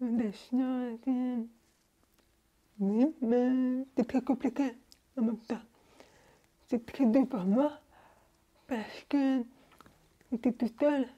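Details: Young woman born deaf, using hearing aids since birth and recently new hearing aids, speaking French orally while lip-reading; finding: deaf speech (prelingual hearing loss).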